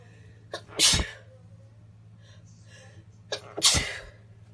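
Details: Two sharp, explosive sneezes, each with a brief intake of breath before it, separated by a short pause.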